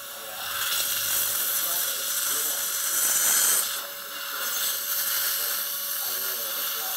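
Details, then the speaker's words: High-pitched hissing whine of a pointed pilot drill through a CEREC Guide 2 surgical guide, preparing a site for a 3.5 × 11.5 mm implant in live patient surgery, with suction noise. "well next this is a pointy drill this is gonna help me guide my yeah okay"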